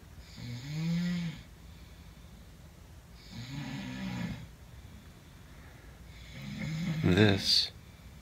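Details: Roommate snoring during sleep: three slow, rough, rattling snores about three seconds apart, the last louder and harsher; ordinary snoring.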